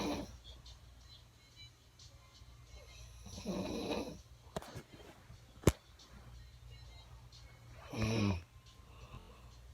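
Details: Loud, rough snoring from the uploader's mother while asleep: two snores about four seconds apart, with faint music in the background.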